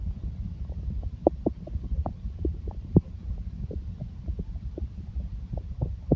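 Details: Stomach growling (borborygmi): a low steady rumble with many short gurgles and pops scattered throughout, from gas and fluid moving through the gut.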